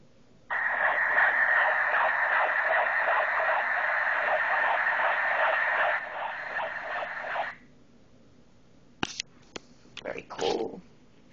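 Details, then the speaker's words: Tinny, rapid whooshing pulses at about 165 a minute: a recorded fetal heartbeat at six months and one week of pregnancy, played back through a small speaker inside a teddy bear. "how cute is this this is the baby's heartbeat at six months and a week"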